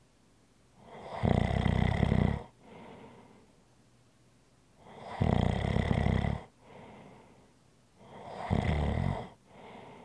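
Loud rattling snores on each in-breath, each followed by a softer out-breath, about 18 breaths a minute; ordinary snoring.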